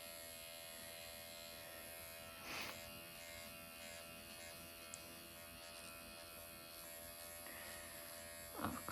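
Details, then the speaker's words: Microneedling pen at 1 mm depth, self-treatment of the forehead and then the eye area, working outside-in, painless, with mild superficial erythema: steady high motor buzz with faint room noise and a couple of soft knocks. "I'm gonna go from outside and in. This does not hurt, by the way, at all. And I'm using like 1 millimeter still for this area."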